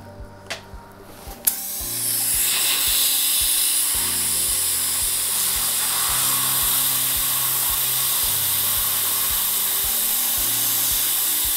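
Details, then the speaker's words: A few clicks, then the steady high-pitched whine of a dental drill with a size 35 inverted cone carbide bur removing a breaking-down 20-year-old amalgam filling from tooth #14 in a 39-year-old patient; soft music behind. "for this preparation i'm using a size 35 inverted cone carbide i don't need mechanical retention for this restoration but it removes amalgam very efficiently and it works comfortably in my hands"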